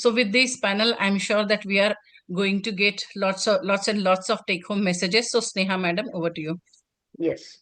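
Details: Adult female speaker; normal speech.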